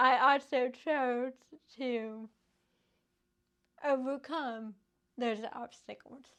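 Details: Adult woman with cerebral palsy caused by lack of oxygen and bleeding in the brain before birth, affecting her speech; finding: dysarthria (cerebral palsy).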